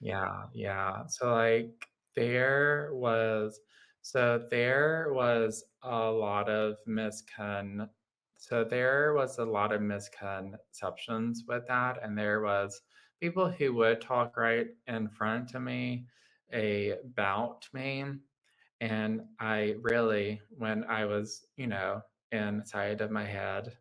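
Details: Adult man with lifelong childhood apraxia of speech, a neurological motor speech disorder affecting motor planning, rate and fluency, with pauses, delays, blockages and groping for words; childhood apraxia of speech.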